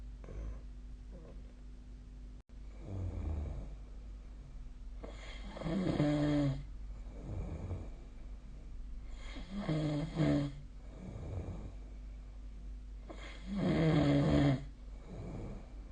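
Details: Loud, rough inhaled snores about every four seconds with softer breaths between, over a low room hum, recorded during sleep: snoring.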